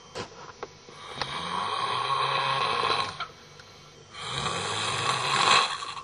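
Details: A man snoring heavily while asleep: two long, loud, rattling snores of about two seconds each, with brief quiet pauses and faint clicks between them.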